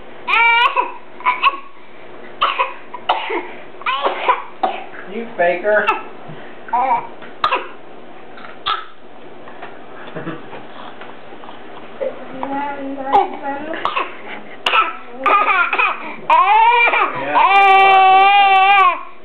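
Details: Infant deliberately making a voluntary fake cough: short, forced cough-like bursts between babbling and vocal sounds.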